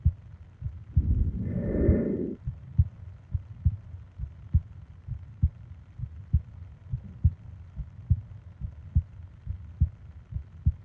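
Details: Japanese sleep ASMR recording of heartbeat and breathing sounds, 20 minutes long: soft, steady thumping heartbeat at about 70 a minute with one breath early on; normal heart sounds.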